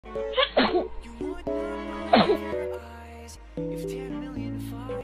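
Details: Two quick sneezes from a male K-pop singer of TXT, from a sneezing compilation, over steady background music; sneezing.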